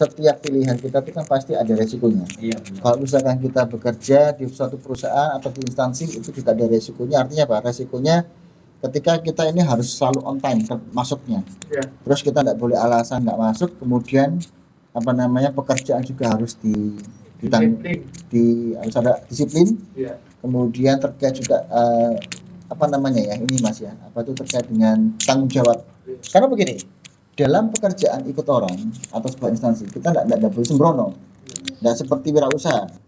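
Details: Adult male speaker; ordinary speech.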